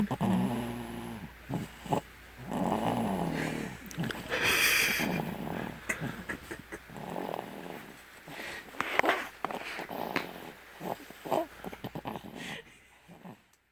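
A sleeping infant makes irregular snorting, grunting snore sounds, with soft music in the background.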